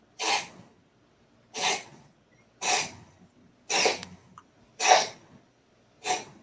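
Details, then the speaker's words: Cat coughing, six short harsh breathy cough bursts about one per second with quiet gaps; owner says she does this once in a while. "What is that noise? That's my cat coughing. Oh. That's interesting. She does that once in a while."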